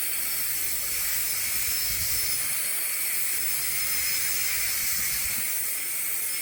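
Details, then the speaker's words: Dental handpiece with football bur contouring composite at the lingual and cervical region of a restored chipped upper central incisor, adult male, checking for overhangs: steady high-pitched hissing whine. "I feel at the cervical region and make sure that I don't have, got it all sealed up and I don't have any overhangs there. And I could contour a little bit more here and here."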